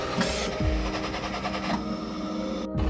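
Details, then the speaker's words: COMFORT COUGH II mechanical insufflator-exsufflator in percussion mode, used during inhalation only with a special exhalation valve: rapid rhythmic mechanical pulsing that shakes the airway to loosen mucus. "mode is applicable in inhaling process only and this mode is designed to give more physical impact on the airway to shake off the mucus"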